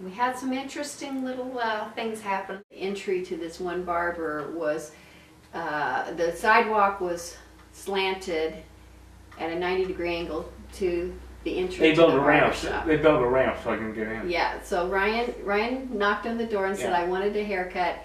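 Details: Adult woman speaking; typical adult speech.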